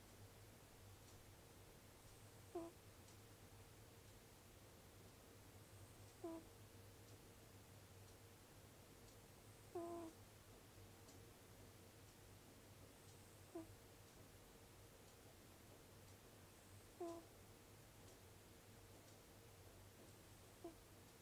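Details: Sleeping cat snoring with a nasal whistle: a brief high whistling squeak with each breath, about 16 a minute.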